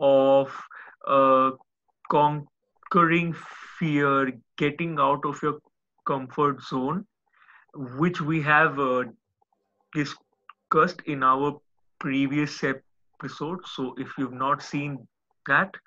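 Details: Adult male speaker; ordinary speech.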